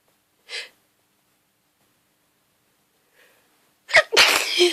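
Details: Hungover person fell asleep in the garden and grass pollen triggered a hay fever sneezing attack: a faint inward breath, then a loud explosive sneeze with a trailing burst in a quiet room.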